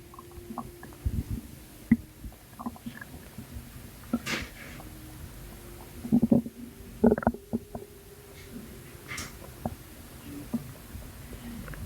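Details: Postpartum woman's abdomen, with her stomach still not going down: scattered soft gurgles and bubbling squeaks over a quiet background; stomach rumbling.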